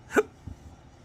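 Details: Adult man with chronic intractable hiccups that do not respond to known treatments: a single sharp hiccup, an abrupt catch of breath.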